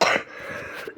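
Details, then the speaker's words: Adult male with a sore throat, coughing often lately: a single short, harsh cough burst followed by a quieter breathy tail; cough. "ผมเจ็บคอครับเอ่อปกติผมไม่ค่อยไอบ่อยมากขนาดนี้แต่ก็ขออภัยด้วยครับที่ไอบ่อย"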